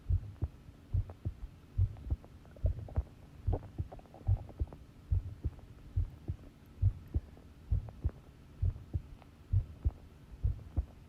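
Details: Long recording of a normal heartbeat: steady, regular low thumps at about 70 beats a minute, with a faint hum underneath.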